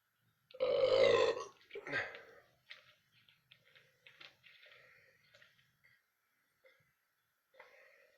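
One long, loud, gurgling belch followed by a shorter second one, then quiet small noises; a burp.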